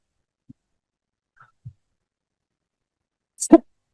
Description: "Agar hilirisasi berjalan lebih efektif, kebijakan biak keluar emas dirancang dengan prinsip bahwa tadi tarif produk hulu ditetapkan lebih tinggi dibandingkan produk hilir," kata dalam rapat sambil terbatuk-batuk.